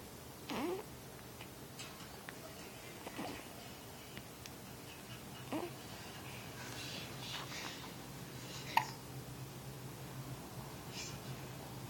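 A few small, sharp hiccup sounds a couple of seconds apart over steady low room hum.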